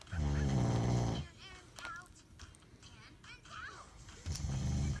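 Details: Father snoring while a child plays nearby: two loud, low, buzzing snores a few seconds apart, with soft child sounds in the quiet between them.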